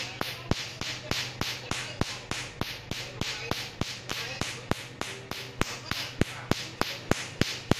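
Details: Tattoo removal laser in use at a Vietnamese tattoo studio, December 2019: sharp, regular snapping clicks about three a second over a low hum as the laser fires its pulses.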